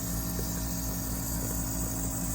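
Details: Steady low motor hum with a constant buzz from a home nebulizer compressor running while a mother with a pulmonary condition receives aerosolized medication until the solution is used up.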